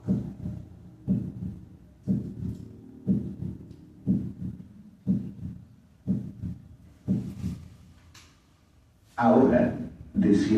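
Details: Normal first and second heart sounds at the tricuspid area in veterinary auscultation teaching, S1 louder than S2, at 60 beats per minute.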